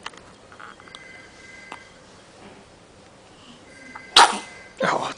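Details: Newborn baby boy, 6 hours old, sneezing for the first time: a sharp explosive burst followed by a second shorter noisy burst in a quiet room.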